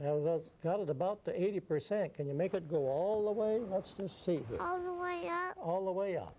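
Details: Adult female examiner; child speech during cleft palate speech examination.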